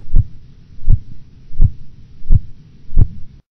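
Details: Five clear, regular low tapping sounds, about 85 a minute, over a faint steady hum: phase 1 Korotkoff sounds marking systolic pressure during manual blood pressure measurement in an adult.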